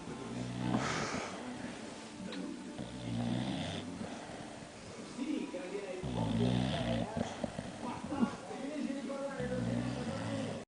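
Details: Sleeping bulldog snoring: loud rattling snores repeating in steady cycles, with faint talk in the background.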